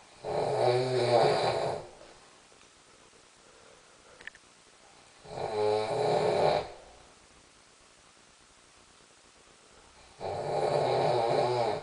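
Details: Sleeping person's snoring: three loud, rattling snores about every five seconds, roughly 12 breaths a minute, with quiet pauses between; sounds like Darth Vader with a head cold.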